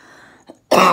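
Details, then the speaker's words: Single abrupt, harsh dry cough without rattling from an adult female orthopedic surgeon recovering at home from COVID-19, hoarse and near laryngitis, shown before demonstrating a phlegm-clearing exercise. "did you hear that it's kind of dry I wanted to make sure my cough was pretty dry before I did this for you so I could prove my point"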